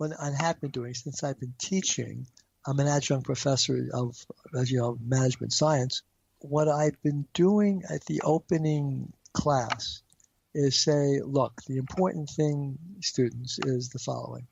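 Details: Stuttering in an adult man, a marketing executive who has a stutter.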